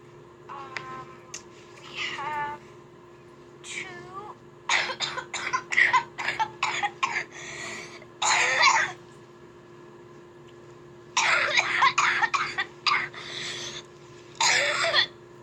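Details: A child coughs in rapid runs of harsh bursts, with short voiced sounds between runs: a coughing fit.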